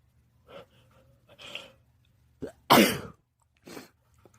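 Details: Sneezing fit at a house with two cats, after feeling a sneeze coming for a while: a sharp, explosive burst preceded by quick inward breaths, with smaller bursts around it.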